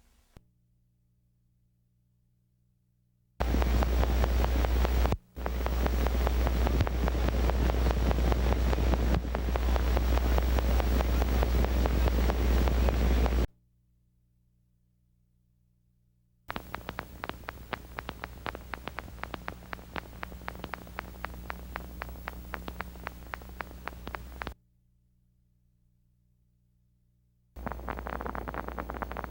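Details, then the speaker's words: Needle EMG teaching recording: rapid, crisp clicking like raindrops on a tin roof from fibrillation potentials of denervated muscle; many fibrillations firing together at different rates sound irregular. "Another important point to remember is that though each single fibrillation fires at a regular rate, many fibrillations firing at the same time sound like irregular firing because their firing rates are different."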